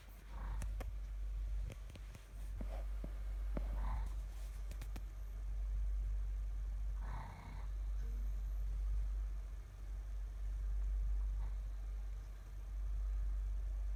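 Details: Slow, deep, rumbling breaths at about 27 per minute over low hum, an elderly woman (grandmother) snoring softly during sleep; snoring.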